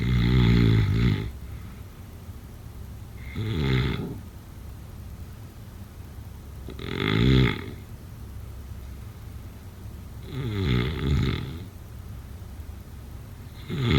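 Loud, rough snores on the in-breath, about 18 a minute, with quiet pauses between them; ordinary sleep snoring.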